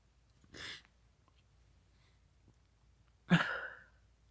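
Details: Person with a tickling nose in a quiet room: two sneezes about three seconds apart, the second louder and sharper; sneezing.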